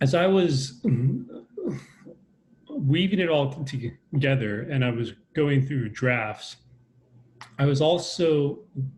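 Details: Adult man with a lifelong stutter, a person who stutters, speaking in a real conversation: stuttering.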